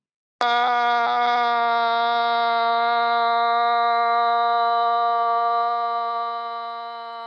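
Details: Study participant's sustained vowel after LSVT voice therapy; the pre-therapy voice was gravelly, harsh and a little hoarse.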